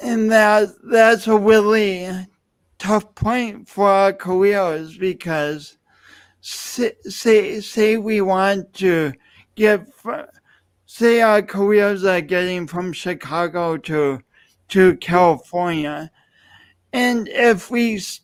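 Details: Adult man with dysarthric speech, a pronounced lifelong speech impediment attributed to loss of oxygen and breath at birth; he also has an unusual walk.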